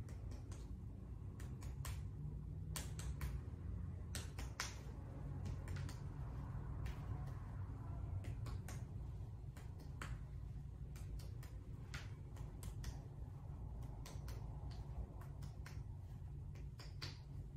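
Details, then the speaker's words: Student nurse percussing a healthy patient's chest to assess lung air content; sharp finger taps in pairs and runs giving a normal resonant percussion note. "next I'm going to percuss your chest so um I'm gonna be listening for the amount of air that's in your lungs"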